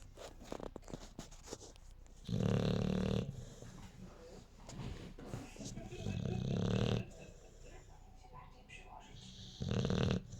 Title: OTB He's snoring